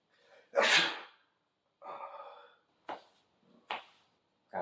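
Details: One loud, explosive sneeze, then brief voiced sounds and short breathy bursts in a quiet room; sneezing.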